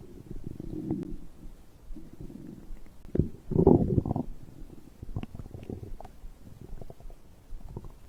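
Low gurgling and rumbling with a few louder bubbling bursts: ordinary stomach growling from digestion.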